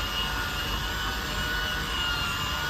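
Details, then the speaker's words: Steady whirring motor hum with a high whine: a handheld fetal development stimulator massager, meant to be held on the pregnant abdomen, running at its faster massage setting after a second button press. "ถ้าอยากเพิ่มจังหวะก็ให้กดอีก1ครั้งค่ะมันก็จะหมุนเร็วขึ้นนะ"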